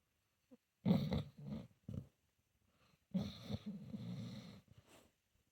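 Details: Senior pitbull-mix dog snoring in his sleep, possibly dreaming: two low-pitched, rough, rattling, vibrating breath sounds a few seconds apart.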